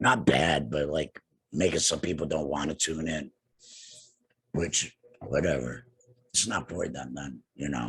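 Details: Tracheoesophageal speech in an adult man two years after total laryngectomy for cancer treated with radiation and chemotherapy; he has no larynx, breathes through a neck stoma and speaks with a TEP voice prosthesis, using an HME.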